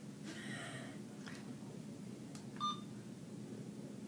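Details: Nursing student demo of an IV infusion pump running primary 500 ml normal saline with a secondary piggyback: quiet room hum with a few short electronic beeps and tones as the pump starts and checks the line.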